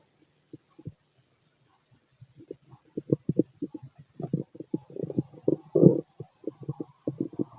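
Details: Male's loud stomach growling: rapid bursts of gurgling, rumbling noise growing louder; normal bowel sounds of a healthy digestive tract.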